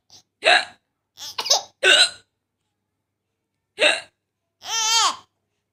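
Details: Four sharp, abrupt voiced gulps at irregular intervals, then a short laugh: hiccups from the mother.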